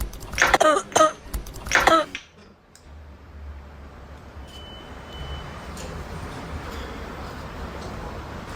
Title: Annoying cough